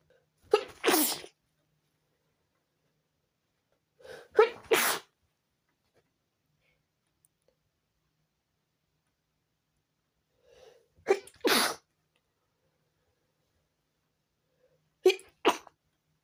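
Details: Sneezing fit at 4 a.m. preventing sleep: four sneezes in sixteen seconds, each a quick in-breath then a sharp double burst, in a quiet room.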